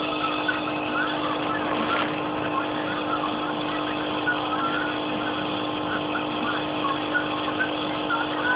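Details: Steady mechanical hum with a constant buzzing tone, a nebulizer compressor running during a treatment, with a cat nearby.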